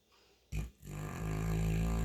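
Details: St. Bernard dog: a brief snort, then a deep, loud, rumbling snore building on the in-breath; snoring.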